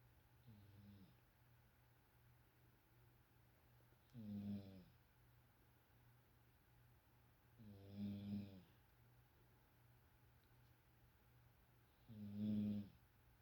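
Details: Snoring that is really starting to be pretty good: four soft, low, buzzing snores at regular intervals, about 14 a minute, over steady room hum; ordinary snoring.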